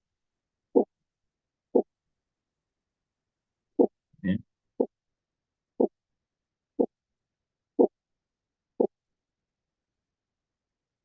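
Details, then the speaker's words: Heart auscultation teaching recording: regular soft thumps about 60 a minute, normal S1-S2 lub-dub rhythm without extra sounds or murmur. "Oh, itu yang apa? Ee sebentar yang normal tadi lupdup lupdup gitu ya."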